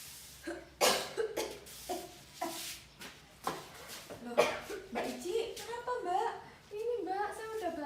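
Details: Long-lasting cough of more than 3 months in a woman, suspected tuberculosis, acted in a health education skit: repeated coughs broken by brief talk in a small room; chronic cough.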